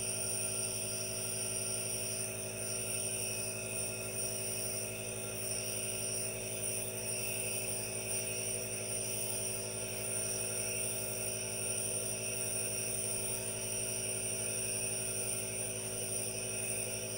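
Steady mechanical hum with a constant hiss, the continuous running sound of a nebulizer.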